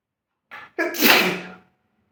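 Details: A brief intake breath followed by a single forceful, hissing sneeze burst, trailing off over about a second, from a person sitting on a chair; a single ordinary sneeze.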